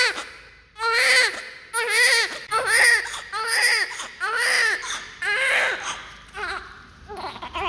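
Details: Vigorous newborn cry from a baby boy with healthy breathing: loud, strong crying in repeated bursts of about one second, roughly one a second, with brief catch-breaths between.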